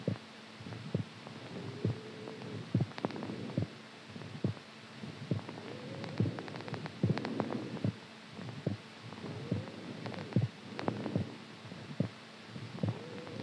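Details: Soft, low heartbeat thumps at about 70 a minute beneath hiss and rumbling noise, recorded during sleep; described as a strong, normal heartbeat.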